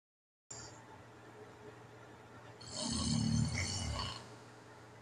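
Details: Adult with sleep apnea recorded asleep at night: quiet breathing, then a single loud, rough snorting snore as breathing resumes after an obstructed pause; snoring with sleep apnea.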